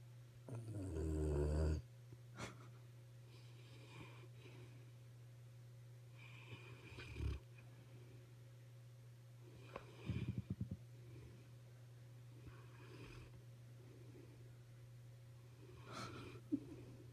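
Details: Soft, rhythmic snoring from a sleeping animal, about 20 breaths a minute, over a steady low hum.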